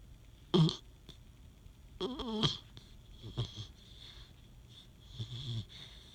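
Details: Snoring during sleep: short, irregular snorting snores with a faint whistling tone between them, in a quiet room.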